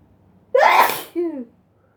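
One loud explosive sneeze, a burst of air followed by a brief voiced tail, in a quiet room.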